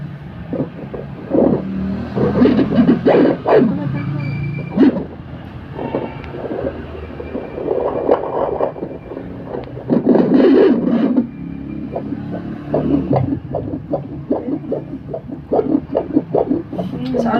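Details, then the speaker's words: Fetal heartbeat of about 146–151 bpm, within the normal 110–160 range, with even spacing and no sudden slowing; a fast, regular whooshing rhythm that suggests an active baby and a normal fetal heartbeat. "normal na heartbeat po 110 hanggang 160 ung baby niyo po 146 148 145 151"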